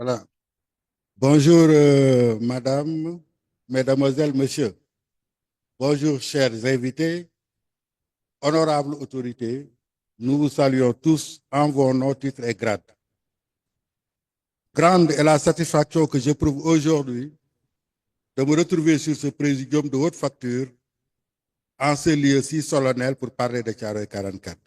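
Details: Adult man; Normal voice.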